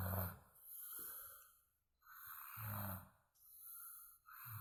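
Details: Older adult (grandmother) snoring in sleep: low rattling snores on breathing in, separated by quiet pauses.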